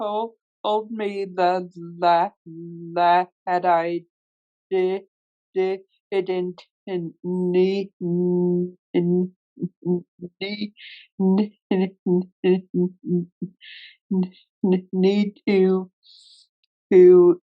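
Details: Real, self-identified stuttering in a male webinar moderator who stutters, leading a workplace panel of people who stutter; finding: stuttering.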